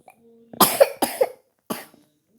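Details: Child off school, sick with a phlegmy cough that is getting worse: three short, loose cough bursts with a wet, phlegmy quality, a productive cough.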